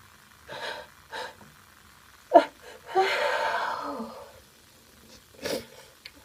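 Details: Female repeated sneezing: a few quick gasping in-breaths build up to sharp sneeze bursts, one with a long trailing exhalation.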